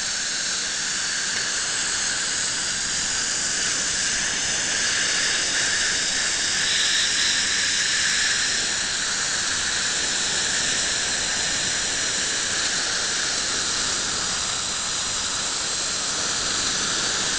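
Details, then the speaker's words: Electrosurgical unit (electric scalpel) excising a pedunculated lesion on the palate of an adult female denture wearer: steady high-pitched hissing whine while cutting and coagulating, bleeding stopping immediately. "Observe que imediatamente o sangramento cessa. Então não tem nem sangramento."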